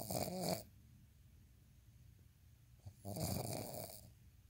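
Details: Snoring: two loud fluttering snores about three seconds apart, with quiet breathing between.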